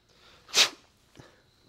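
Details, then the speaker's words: Person sneezing into a tissue during a demonstration of how best to cover a sneeze: a single muffled, hissing sneeze, then a faint second noise in a quiet room; sneezing. "Not a lot getting through this time. So, the question remains, if you have to sneeze, what's the best thing you could do? Grab a tissue."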